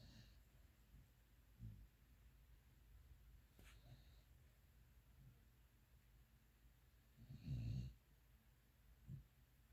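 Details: Pitbull sleeping: quiet, low, rough snorts with one louder snore near the end; ordinary dog snoring.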